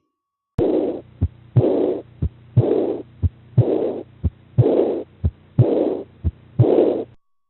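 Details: Aortic regurgitation murmur, most easily heard at the left sternal edge with the patient sat forward in forced expiration.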